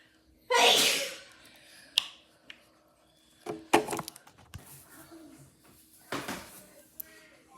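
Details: Mother sneezing repeatedly: a loud explosive sneeze, then a second smaller burst and a softer one, with room clatter between; repeated sneezing.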